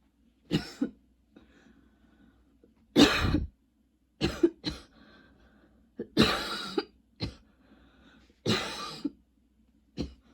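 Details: Person with long, nonstop coughing spells and a lingering throat tickle: repeated dry coughs, about eight in ten seconds, some in quick pairs with quiet gaps; persistent cough.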